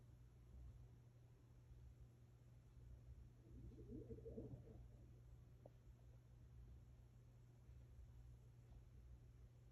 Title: Buddy’s stomach growls #cat #dog #shorts #gingercat